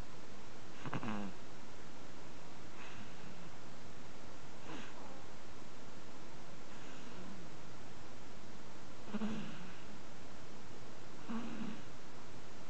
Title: rapid breathing and wheezing in 5 month old